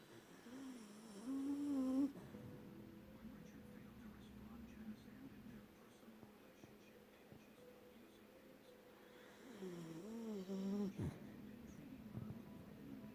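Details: Beagle Hendrick, 1 year 9 months old, snoring while asleep: two long, tonal, whistling snores about eight seconds apart over a steady background hum.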